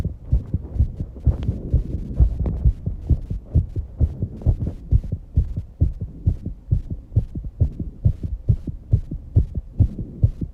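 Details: Rapid, regular low thumping heartbeat at about 130 beats a minute in a 19-year-old girl after exercise, with heavy breathing and some breath holding. This is a fast heart rate after exercise.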